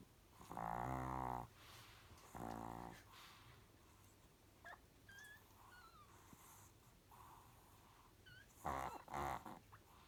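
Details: Chihuahua mother dog, lying with her pups, snoring: a few loud, low, vibrating snorts separated by quiet breathing.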